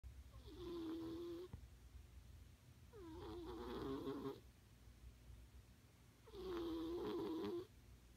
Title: Cat snoring...